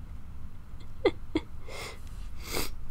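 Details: Acted sneezes in a girlfriend roleplay (simulated cold with headache, drippy nose, cough): quick inhaled catches followed by two soft, breathy sneeze bursts.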